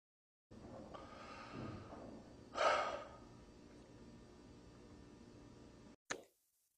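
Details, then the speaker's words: A single abrupt, noisy gasp breaking near-silence; agonal breathing, seen in over 50% of cardiac arrests. "Wyobraźcie sobie że oddech ogonalny może występować nad 50% przypadków zatrzymania krążenia"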